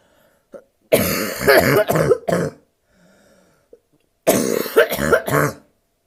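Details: Adult woman with bronchitis, lying down, which she says makes her want to cough more, gives two harsh, nasty barking coughing fits of several rapid bursts each, with a quiet pause between: barking cough.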